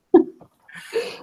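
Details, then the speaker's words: Single loud, sharp adult sneeze from the speaker's father upstairs, heard at a distance during a group discussion. "dad's upstairs and he has a really loud sneeze so you can hear it from like outside even it's like somebody sitting next to me just sneezed"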